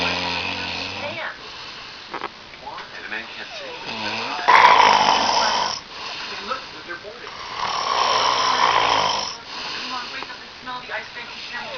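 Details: Loud, rough, rattling snoring that rises and falls with slow breaths, with some background noise.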